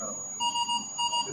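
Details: Repeating paired electronic ventilator alarm beeps over a faint room hum, on a ventilator with oxygen on and a sensor described as faulty.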